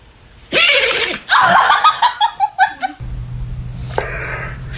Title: does your dogs do these kinds of sneezes #dog